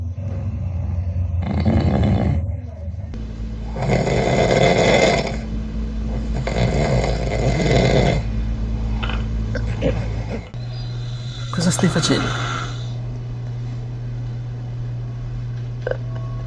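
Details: Adult man (father) snoring near a baby: heavy, loud rumbling snores repeating every few seconds, with a steady background hum and a brief higher squeak.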